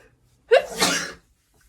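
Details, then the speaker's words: Acted sneeze, one of a repeated series in a sneeze fit blamed on allergies: a quick intake then a loud, forceful burst of air; sneeze. "oh my gosh I'm so sorry I'm having another sneeze attack ooh so sorry I'm uh definitely uh having such a time with my allergies and everything"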